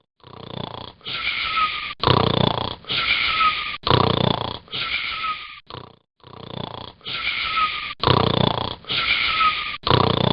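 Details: Sleeping dog snoring: loud, repeated whistling snorts with a squeaky, high-pitched tone on each breath, noisy snoring.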